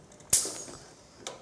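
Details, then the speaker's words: Low-cost prototype emergency ventilator in assist-control mode; a syringe simulates patient inspiration, triggering an early breath above the minimum rate: sharp mechanical click, fading rush of air, second click; patient-triggered ventilator breath. "I'm going to simulate patient inspiration by using this syringe so after the breath I'm going to trigger a new breath early and"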